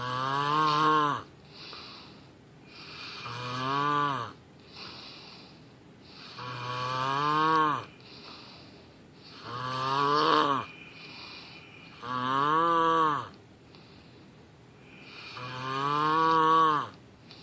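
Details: Loud rhythmic snoring: six loud, tonal, groaning snores, each with a quieter breath between, roughly 21 a minute.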